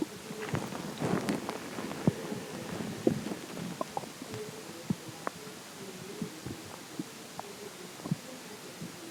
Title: more stomach growling